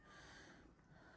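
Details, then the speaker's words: A faint, snorting gasp against steady background hiss: barely present, laboured breathing of a very small, critically ill kitten, the smallest of the kittens, rushed to the clinic; the cause is unknown. "Дихає ледь-ледь, але дихає. Дихає, дихає."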